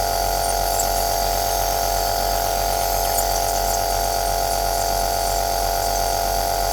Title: Rumore bianco aerosol - mi prendo cura dei miei aerosol